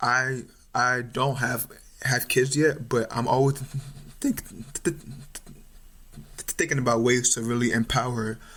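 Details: Stuttering in an adult male medical student; it became more pronounced around age 6 or 7, his mother and uncles also stutter, and it is now more overt, with blocks and facial tension.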